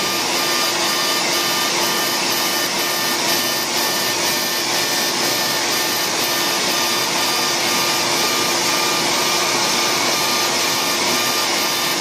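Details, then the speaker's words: CO2 laser resurfacing, light single pass at about 40 millijoules and density 6, for fine lines and wrinkles: steady loud suction-like hiss with faint regular ticking of laser pulses, about two a second. "this is a co2 light which is about 40 millijoules on a density of six and we have our heavy laser so this is a one pass with this laser it is going to heal in about a week and will do well with fine lines and wrinkles and really well"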